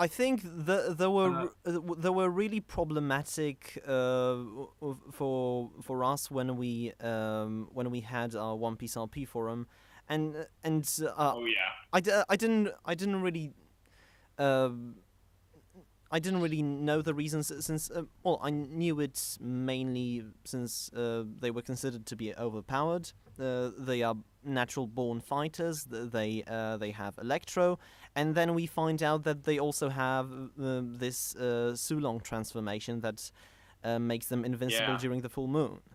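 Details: Stuttering in a male podcast host who describes himself as a stammerer, speaking in a live-streamed English podcast.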